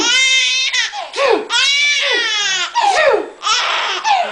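Loud, high-pitched wailing cries in repeated bursts with gasping breaths between; an infant crying.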